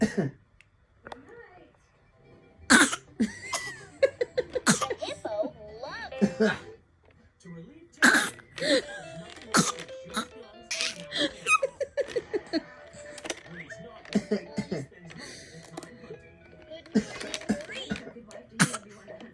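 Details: Young child deliberately fake-coughing, copying her dad's cough: several voluntary imitated coughs between bits of voice, with background music.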